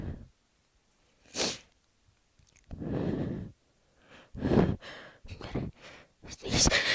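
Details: A person who can't stop sneezing announces "I'm gonna sneeze" before several forceful sneezes in quick succession, each a sharp burst of air after a quiet pause; repeated sneezing.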